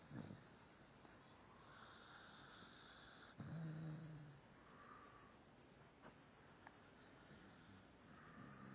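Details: Dog snoring while asleep: soft, low rumbling breaths with a louder snort, over steady room hiss.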